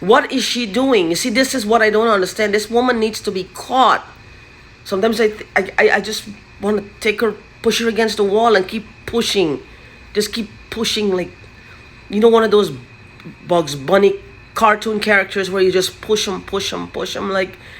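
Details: Man with stammering and stuttering that he says began only recently: stuttering.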